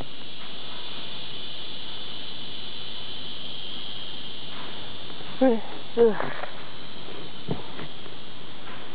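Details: Deliberately stifled sneezes recorded outdoors: two small muffled sneezes held back behind closed lips over steady insect noise.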